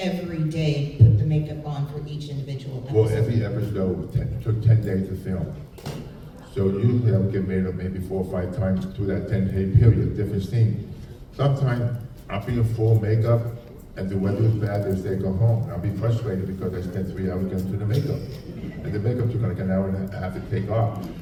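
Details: Adult male with profound hearing loss since childhood and a childhood speech impediment, trained in phonetics with a marble in his mouth, formerly wore two hearing aids, cochlear implant about 3.5 years ago: deaf speech (speech with profound hearing loss).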